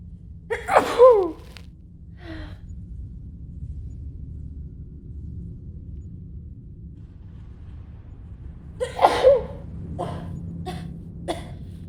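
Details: Acted allergic sneezing by a woman in a cinema role-play: two loud sneezes, each with a sharp intake of breath before it, over steady room hum.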